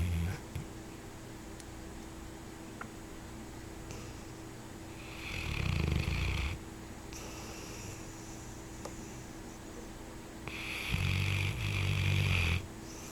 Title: snoring